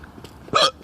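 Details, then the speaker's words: A single short, sharp voiced hiccup against quiet room noise, one hiccup of an ongoing bout of hiccups. "This still hear these hiccups though. Are you aware of the hiccup sitch?"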